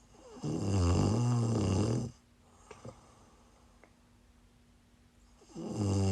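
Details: Woman snoring while sick, recorded on a live stream: loud, harsh, vibrating inspiratory snores with quiet pauses and a faint steady background hum.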